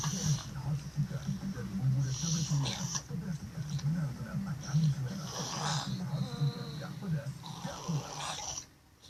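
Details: Man asleep while sitting up, snoring: repeated rough, fluttering snores with each breath, with faint room noise.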